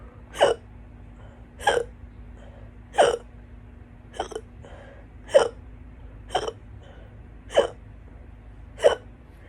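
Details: Stubborn, loud hiccups that went on for a couple more hours after this, while trying to get rid of them: eight abrupt, sharp gulping hiccups about one per second over nine seconds, with a faint hum behind.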